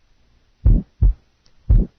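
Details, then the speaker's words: Simulated heart sounds with a blowing murmur of mainly high frequency, a soft blowing sound filling the gaps between beats. "listen now to murmurs that are described as blowing harsh or rough and first listen to a blowing murmur mainly high frequency"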